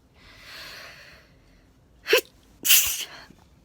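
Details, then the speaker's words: Adult during a daytime sneezing bout, trying fingers under the nose to stop it: soft sniffling breath in, a quick catching gasp, then one forceful sneeze. Sneezing. "ah just started sneezing again i might catch another daytime sneeze somebody said try putting your fingers under your nose when you sneeze"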